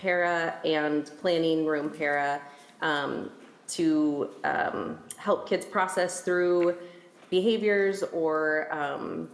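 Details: Adult woman speaking; normal speech.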